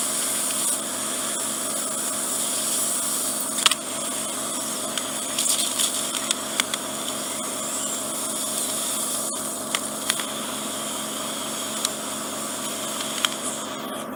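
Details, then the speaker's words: Ear wax microsuction deep in the ear canal of an adult who swam a lot in cold water, suspected swimmer's ear bony protrusions trapping wax: steady loud hissing suction with scattered sharp clicks and crackles. "so i'm gonna suck some more out first look around"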